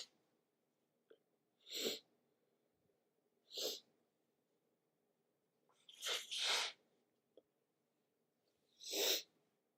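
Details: Morning sneezes from a sniffly person whose nose reacts to cooler weather, some natural and some induced with tissue: four sharp, explosive sneezes, one double, with brief quiet breaths between in a quiet room.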